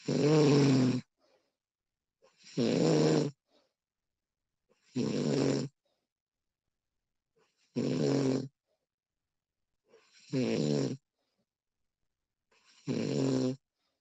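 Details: Woman recorded while asleep, extended one-hour recording: steady rough inhaled snores about every 2.5 seconds, roughly 24 a minute, with silence between; ordinary sleep snoring.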